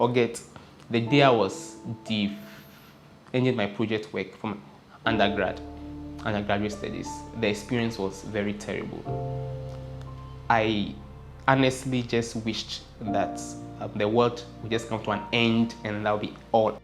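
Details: Adult who stammers, speaking; stuttering.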